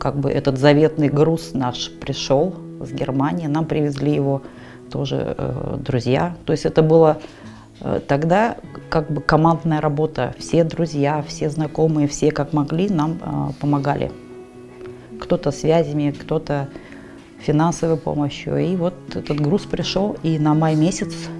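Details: Adult speaker, Russian; Normal speech.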